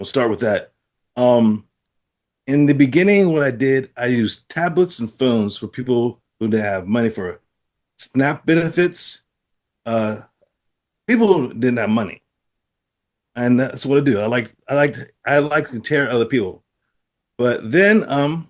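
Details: Adult man with aphasia following a stroke, who reports trouble producing first sounds and letters of words; aphasia after stroke.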